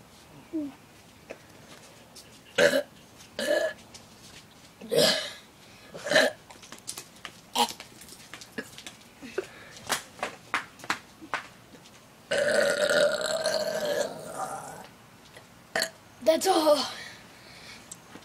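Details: A man performing deliberate burps for an audience: several short, throaty belching bursts with pauses and one longer drawn-out belch; repeated burping.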